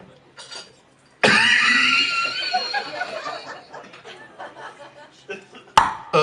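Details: An adult, mid-conversation, gives a sudden loud cough burst that trails off into scattered laughter-like sounds, then says excuse me. Cough.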